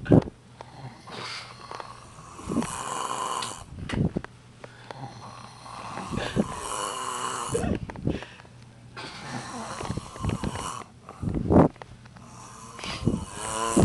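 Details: Snoring contest: loud, rough, rattling snores in repeated breaths with snorting catches between them; heavy snoring.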